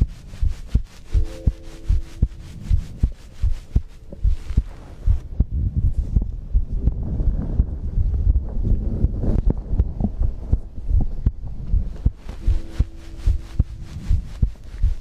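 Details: Normal heartbeat recorded for ASMR sleep compilation: deep, steady thumping about 80 a minute with low hum and soft breathing underneath.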